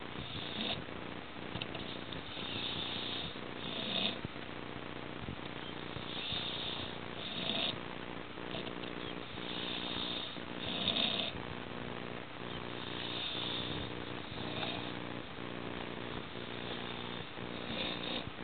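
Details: A man asleep after drinking several alcoholic beverages, who almost choked on vomit while sleeping: continuous, rough, rattling breathing with louder swells every few seconds; very loud snoring.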